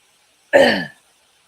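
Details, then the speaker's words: Single short voiced cough in a quiet room from an adult who mentions having an ongoing cough, during a live morning talk stream. "pink I coughed and scrolled way up to the top and now I don't know where where that comment was"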